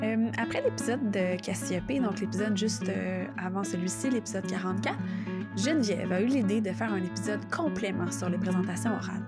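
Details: Adult woman speaking French; typical speech.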